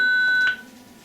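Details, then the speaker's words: Zoll X Series defibrillator demonstration, charging to selected energy and delivering a shock for a shockable rhythm: a loud, steady high-pitched tone that stops abruptly. "to co musimy zrobić to oczywiście wcisnąć przycisk wyładowanie potwierdzić naładować defibrylator do wybranej energii i"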